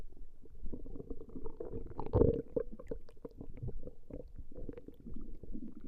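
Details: Woman's stomach growling recorded over a long session: low, continuous rumbling and gurgling with a louder burst partway through; ordinary borborygmi from gas and fluid moving through the gut.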